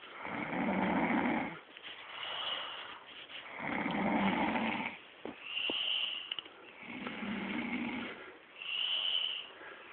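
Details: A woman snoring while asleep, recorded without her knowing: loud, rough rattling snores on each breath in, with softer airflow between, about 18 breaths a minute.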